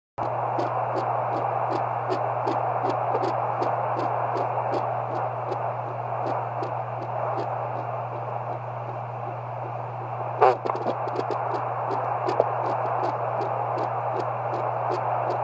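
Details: Fetal heartbeat at 12 weeks 3 days on a Hi Bebe home fetal Doppler: rapid, steady whooshing pulses at about 150 a minute over a constant hum.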